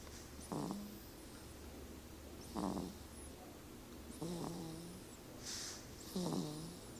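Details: Pet (species not stated) asleep: short snorting, whistling breaths about every two seconds over a low room hum; snoring.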